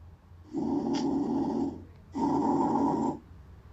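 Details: Bronchial breath sounds heard over the trachea with the stethoscope bell, anterior chest: loud, harsh, hollow breathing with a clear pause between inspiration and expiration.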